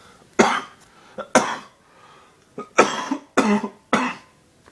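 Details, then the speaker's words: Adult coughing on day 57 of a logged series: a run of five forceful, harsh coughs over about five seconds, with quick breaths between them. "why do I always start coughing when I start doing this"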